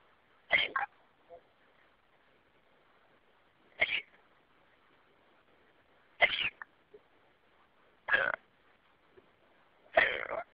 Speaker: I've got the hiccups.